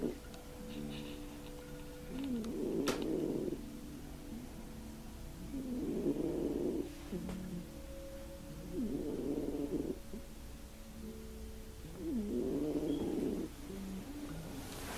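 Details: Overweight Russian Blue cat snoring in deep sleep during a nap: low rumbling breaths about every three and a half seconds, roughly 17 a minute, over faint room noise.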